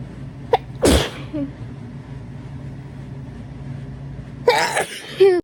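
Two sharp sneezes with a steady low hum of room noise between them.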